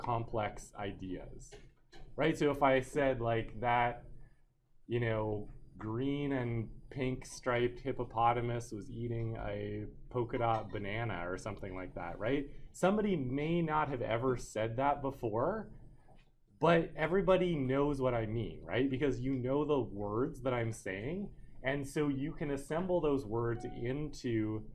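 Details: Adult male speaker; normal speech.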